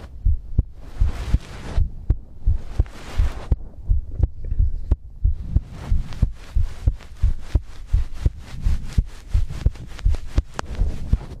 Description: In this video, I compile my heartbeat asmr for 1 hour to help you sleep.